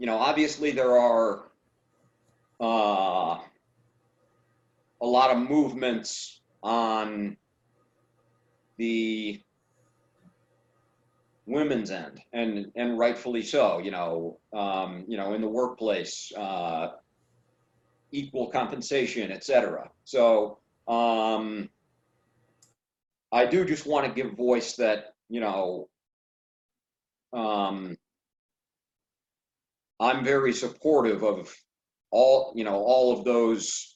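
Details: Adult man who stutters, with suspected blocks; stuttering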